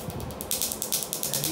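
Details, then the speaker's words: Q-switched laser firing at 10 pulses per second during a patient's first tattoo-removal session under local anesthetic; rapid crackling snaps as the ink is pulverized. "so you can see this is a 10 pulses per second rate so it's very quick and efficient it's just basically pulverizing that tattooing"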